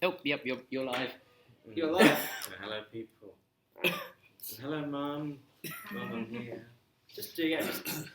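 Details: Stammering in an adult male computing lecturer living with a speech and language disability, who says he has been "breaking up" on the phone for 30 years.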